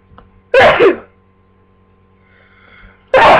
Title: Flu sneezing